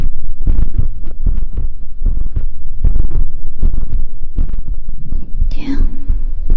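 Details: Heartbeat played during an ASMR livestream, counted at 81 beats in one minute: soft, repeated low thuds with a faint hum and a brief higher sound near the end.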